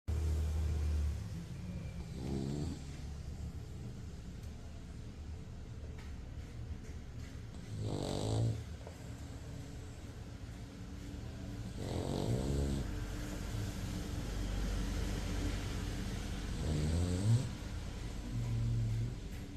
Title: #manny the snoring EB